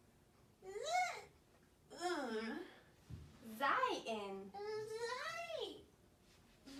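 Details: Child with childhood apraxia of speech in rapid syllable transition treatment, attempting pseudo words with correct stress on target sounds such as z.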